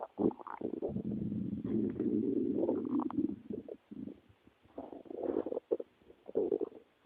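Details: Stomach growling (borborygmi), described as a person's growling stomach.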